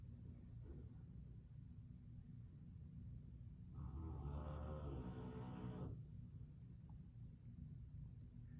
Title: Snoring like a GROWN man! 😩🥴 Unbelievable 😞 #canecorso #dog #corso